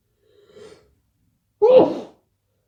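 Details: Person sneezing repeatedly, unsure what is wrong with their nose today: a soft intake of breath, then a single sharp, voiced sneeze.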